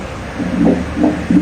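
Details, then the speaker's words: Fetal heartbeat on Doppler ultrasound at a first antenatal check, about 2 months of pregnancy; the doctor calls the heartbeat regular and normal. "หัวใจเสียงเพิ่นบ่อันนี้เสียงหัวใจจ้ะอืเห็นมขึ้นหัวใจสม่ำเสมอดีถ้าอย่างงั้นถือว่าโอเค"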